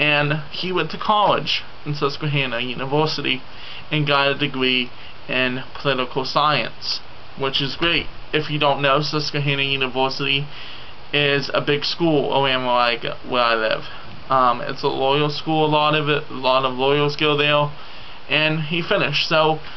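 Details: 27-year-old man with self-described loose-type cerebral palsy; his tongue is very loose and cannot pronounce letters as others can; he had speech therapy in school but skipped it; dysarthria (cerebral palsy).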